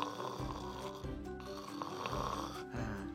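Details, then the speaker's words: Imitated snoring in an explainer on the narrowed upper airway during sleep: soft tissue vibrates as air is forced through, harmless while air still flows; music in the background. "Nah karena menyempit tekanan di sini kan jadi tinggi anginnya jadi kencang ya enggak Kalau sempit Oke akibatnya apa area yang lunak ini jadi bergetar nah ini bikin suara"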